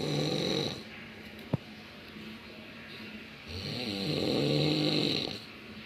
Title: Teman ngorok di kerjain vidio